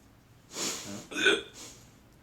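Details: Young child imitating his father's hiccups on request: two short voiced hiccup-like sounds; an imitation, not true hiccups.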